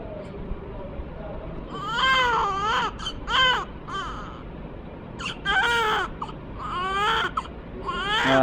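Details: Newborn baby just after birth: repeated short cries with adult voices talking in background; newborn first cry.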